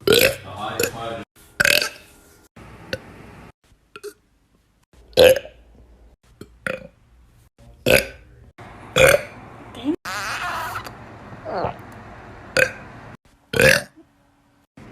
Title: tiktok girl burping